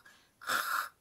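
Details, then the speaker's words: Adult imitating a loud open-mouth snore while discussing a snoring fiancé: a single harsh, rattling, pig-like snort lasting about half a second. "a pig right so so all you need to do is just cover why are you doing the pig thing again because that's that's the that's the sounds of the snore"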